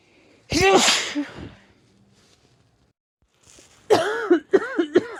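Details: Person (female) with a cold: a loud sneeze with a drawn-in breath, a pause, then a second burst of short sneezes in quick succession; sneezing.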